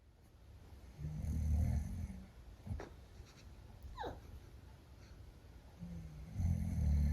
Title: 柴犬姉妹、いびきに驚く! Shiba sisters wondering about the sound of snoring.